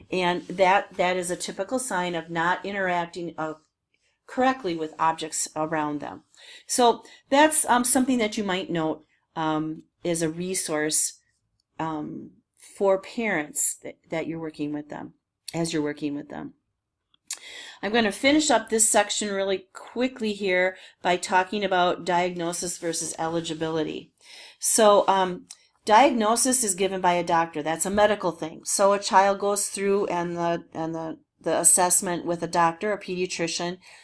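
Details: Adult woman speaking; plain speech.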